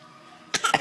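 After a quiet start, a child gives three quick, light cough bursts in close succession: a deliberate, imitated cough rather than a spontaneous one.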